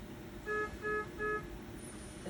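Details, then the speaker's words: A 980 ventilator during a setup demonstration, just after the alarm limits are set: three short, evenly spaced electronic alarm tones over a low room hum, alarming until reset. "going to keep alarming that you can this is how you reset your alarm"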